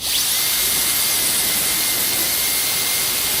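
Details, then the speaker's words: Steady high-pitched whine of a high-speed dental handpiece with a carbide bur extending about 1.5 mm buccal depth cuts over the buccal cusp crest of a dentiform mandibular molar for the functional cusp bevel in a gold crown preparation. "Now, the buccal depth cuts will be extended over the crest of the buccal cusp and will serve to place the so-called functional cusp bevel."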